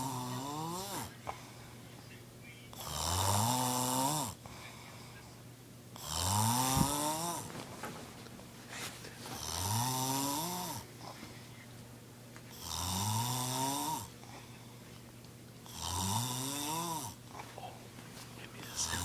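Loud, regular snores with rising, rattling tones on each breath in, about 19 breaths a minute, with quiet breaths out between.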